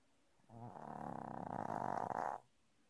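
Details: Normally silent sleeper snoring unusually loudly one morning: one long, buzzy, droning snore lasting about two seconds, rising in strength toward its end.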